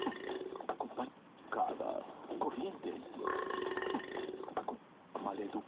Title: big burps